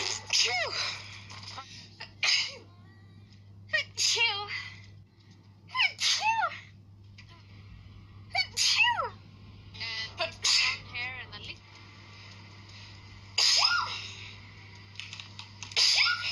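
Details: Several sharp, explosive sneezes, some with a short gasp before them, against a steady low background hum.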